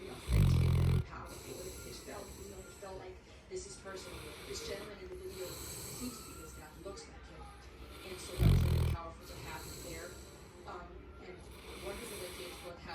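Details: Saint Bernard snoring loudly while asleep: two loud, low, rattling snores several seconds apart over quieter breathing and faint room noise.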